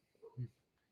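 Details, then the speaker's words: Stomach growling heard in a quiet room during a live stream, a brief low rumbling gurgle under half a second: normal borborygmi. "Is your stomach growling? It's growling. That's good."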